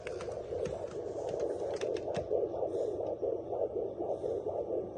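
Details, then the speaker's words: Doppler on a pregnant female dog, probe held still after gel is spread: rapid, soft whooshing pulses through hiss, one puppy's fetal heartbeat. "That sound right there is one of the puppy, one of the fetus's heartbeat. That sound right there is what you want to hear."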